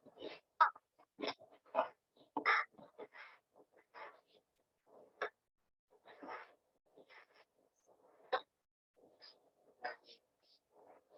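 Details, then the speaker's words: Infant who is alert but in severe respiratory distress with marked hyperinflation, shown in pediatric pneumonia/bronchiolitis teaching. Noisy, drawn-out breaths out: prolonged expiratory wheeze. "he has severe respiratory distress and he has marked hyperinflation and i hope you noticed that the noise he was making and uh sometimes we think of respiratory noises as being strider or wheeze"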